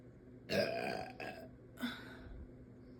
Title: Girl burping mavis cosplay #burping #funny #belching #burp #eructo #soda